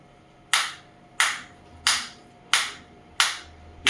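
Sharp, loud cracking snaps at about 90 per minute from a focused shockwave therapy device delivering pulses.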